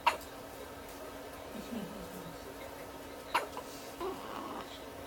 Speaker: hiccups now. Such your first hiccups on the outside.